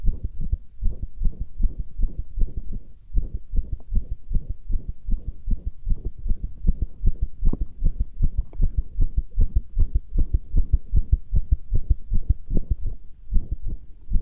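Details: Heartbeat recording: steady, fairly regular, low thudding lub-dub beats at about 75 a minute; an ordinary heartbeat.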